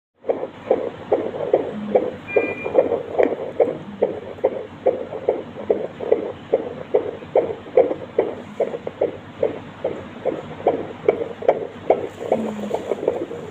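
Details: Fetal heart sounds: rapid, regular whooshing fetal heartbeat at about 143 beats a minute, within the normal fetal range.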